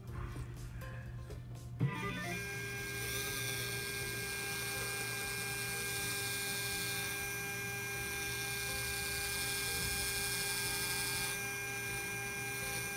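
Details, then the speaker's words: Simulated immediate implant in an artificial mandible: initial drill centred in a molar extraction socket, drilling to 12 mm for a CeraRoot 16 zirconia implant; steady motor whine with a constant high tone over room hum after a sharp start. "So, we put the drill in the center of the socket and we check if we like our drilling direction. We don't want to be more too dist. We don't want to be too mis. So the drilling direction is correct. And we keep on drilling. Again, we're going to drill 12 mm."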